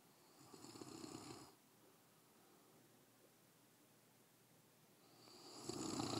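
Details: Sleeping English Mastiff dog: two rough, fluttering snores separated by a long quiet pause, over steady room hiss.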